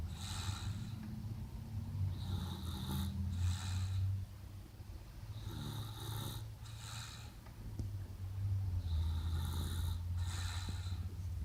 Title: 2018 06 23. Snoring.